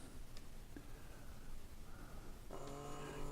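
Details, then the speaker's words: Button click, then steady low motor hum as an Omron 3 Series automatic blood pressure monitor cuff inflates on a seated adult's arm, expected to reach about 175 before deflating. "there it is it's inflating steadily and go up to about a certain probably like 175 something like that and then come back"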